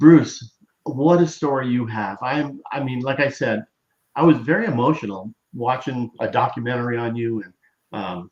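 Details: Adult male interviewer; Normal speech.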